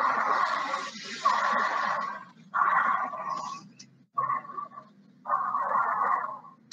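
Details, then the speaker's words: Pulmonary semiology lecture example of wheeze, likened to the asthmatic's chest wheeze: a sustained high-pitched musical whistle on both inspiration and expiration across four breath phases. "Ele é um som agudo, ele não é um som porque ele está sendo atrapalhado por alguma coisa. Mas ele é um som agudo porque ele está passando, é como se ele estivesse passando por um capilar."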